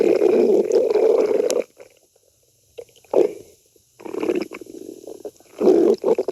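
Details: Bursts of low gurgling, squelching rumbles with quiet gaps: stomach growling (borborygmi).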